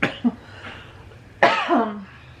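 One abrupt, fairly dry cough from an adult, ending in a brief voiced tail, in a quiet indoor room; a single cough.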